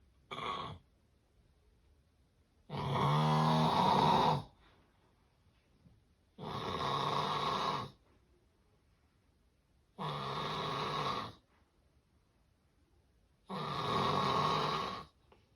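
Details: Loud, harsh snores about 17 a minute with short quiet gaps: snoring of severe obstructive sleep apnea.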